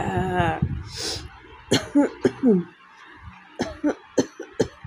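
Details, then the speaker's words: A woman with a hoarse, cracked voice, a cold and a week of fever does a real cough challenge: two clusters of short, sharp coughs with brief voiced sounds mixed in; severe coughing. "প্রচণ্ড কাশি হয়েছে, প্রচণ্ড, মানে real."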